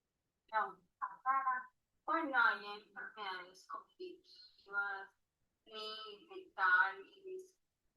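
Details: Female patient with a cerebellar disorder and no cognitive or mental illness; ataxic dysarthria.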